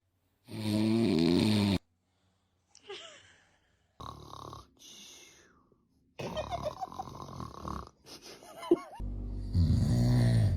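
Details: Loud, rough, low rattling adult snoring from the baby's father in long bursts, with brief infant fussing and whimpers between.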